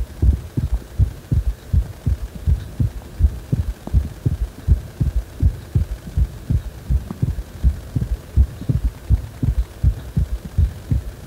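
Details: Heartbeat described as feeling as if the heart is wobbling: steady, regular low thumping at about 80 beats a minute over a soft background hum.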